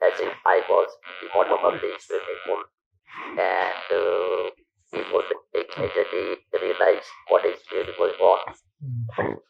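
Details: Electrolarynx speech from a man who lost his natural voice after surgery in 1997 for stage 4 vocal cord (throat) cancer; long-term survivor of about 10,000 days.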